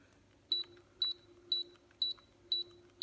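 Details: Short high electronic beeps repeating about twice a second while the bolus button is held on a Terumo TE-112 infusion pump; bolus beep.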